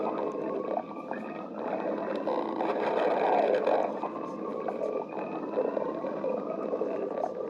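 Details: Stomach growling (borborygmi): continuous low gurgling and drawn-out tonal rumbles that swell and fade in loudness.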